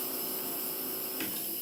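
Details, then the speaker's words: Tracheostomy mist compressor (50 psi) running, delivering humidified mist through tubing, a valve T adapter and a trach mask; demonstration of adequate mist output. "so when we turn it on my name is Sean you have adequate mist coming out the enemy"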